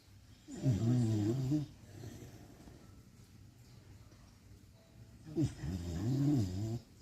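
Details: Beagle snoring while asleep after bathing: two long, rattling snores about five seconds apart with quiet breathing in between.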